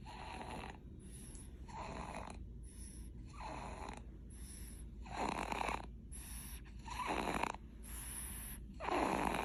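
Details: Baby: soft, rhythmic snoring with a snorting, rattly quality on each breath, about 34 breaths a minute, over steady low room hum; snoring.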